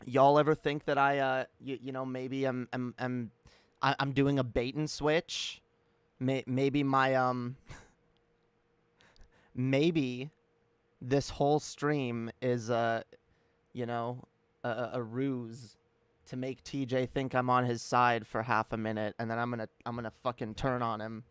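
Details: Stuttering in a woman streamer who reports that she stutters and that viewers point it out; this stretch has repeated words and fillers.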